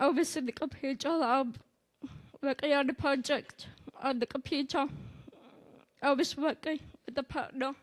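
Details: Girl with a tracheostomy, in place since at least 6th grade, wearing a Passy-Muir speaking valve on the trach: tracheostomy speech with speaking valve.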